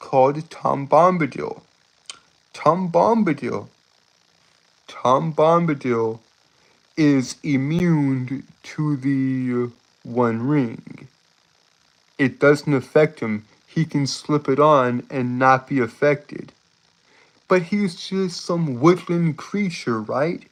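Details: Stuttering, self-reported speech impediment causing stuttering, tripping over words and irregular breathing.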